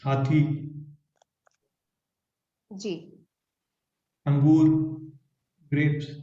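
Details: Stroke survivor with aphasia, Hindi speaker, naming pictures during an online conversation-practice therapy class led by a speech-language pathologist: aphasia after stroke.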